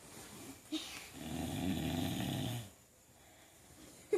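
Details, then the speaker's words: A young dog with baby teeth, awake and lying on her back, makes a single rough, fluttering snore, about two seconds long, with a short snort before it; the owner wonders if it is hard to breathe on her back; snoring. "snoring while you're awake oh is it hard to breathe on your back hard to breathe"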